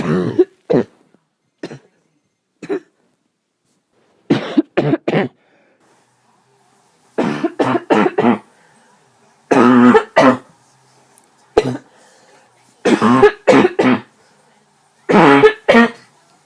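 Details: Nocturnal cough in an adult who feels terrible, with nothing helping and unable to sleep: repeated short bouts of two to four coughs with brief quiet gaps.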